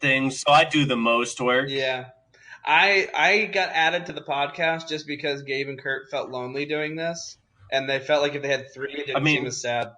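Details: Adult male speaker; ordinary speech.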